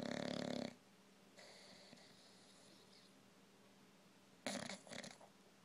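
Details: An older Old English Bulldog, whose snoring has grown louder with age, asleep: two loud, harsh, snorting snores separated by a quiet pause.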